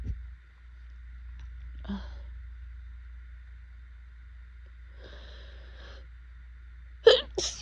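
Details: Adult with severe pollen allergies, swollen eyes and burning throat: quiet sniffs and wheezy inward breaths, then a sudden forceful sneeze and a second burst during an allergic sneezing fit.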